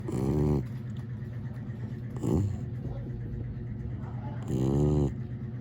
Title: Dog | Snoring Dog | Mucho